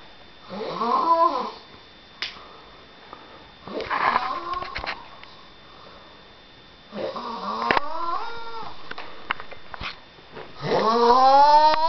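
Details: Loud rattling, whistling snores in several long breaths with quiet gaps between; a man snoring noisily.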